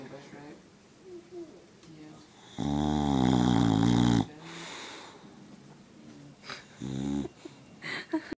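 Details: A sleeping dog snoring like an old man: a loud, buzzing snore on the in-breath, then a shorter snore a few seconds later, with quiet breathing between.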